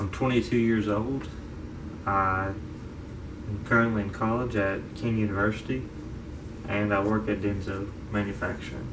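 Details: 22-year-old man diagnosed with childhood apraxia of speech at age five, affecting motor speech and fine motor skills; he reports pausing, stuttering and using wrong words: childhood apraxia of speech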